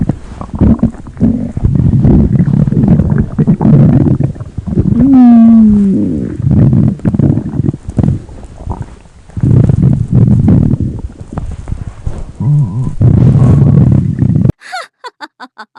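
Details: Loud, long rumbling and gurgling with rising squeaky whines and bubbling; stomach growling (borborygmi).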